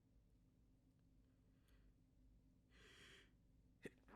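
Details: In a quiet room with a low hum, a soft airy burst is followed by a sharp snap; a stifled, suppressed sneeze.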